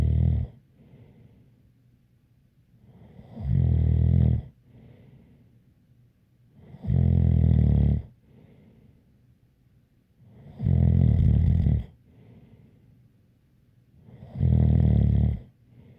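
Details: Loud, regular snores on each in-breath, about 16 a minute, with a faint whistle on the quieter out-breath; snoring during sleep.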